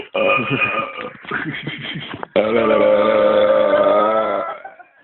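A short rumbling burp, then a long, loud, sustained voiced belch of about two seconds that fades out. An ordinary belch.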